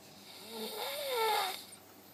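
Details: Snoring after working seven straight nights: a single drawn-out, rising and falling rattling snore.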